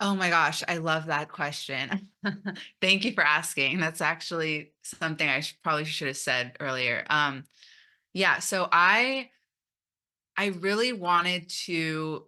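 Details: Stuttering in an adult woman who stutters and openly identified as a person who stutters almost three years ago, after 29 years of denial.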